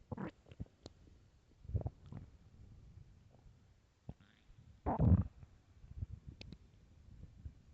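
Low gurgling rumbles from the gut with one loud, drawn-out growl: ordinary stomach growling.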